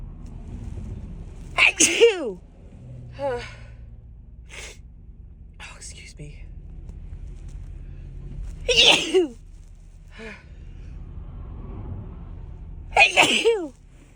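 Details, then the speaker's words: Female with a dust allergy sneezing in a car: three forceful sneezes, each after a quick indrawn breath, with a quiet rumble between; she says her nose tickles and the sneezes have been big. "oh my my nose tickles I think sneeze oh oh God these sneezes have been so big"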